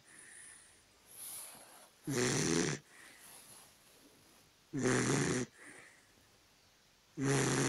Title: Mr snores (Dachshund)